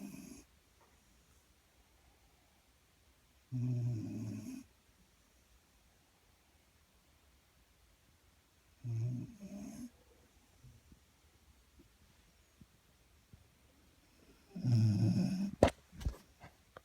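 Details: Low, rattling snores on the in-breath about every five to six seconds (roughly 11 a minute), quiet between; ordinary snoring.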